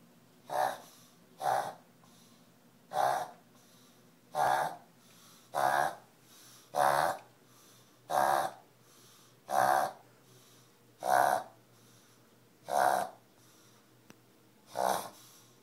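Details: Dog Lucy: repeated short, loud snorting inhalations, called a reverse cough by the owner; reverse sneezing episode.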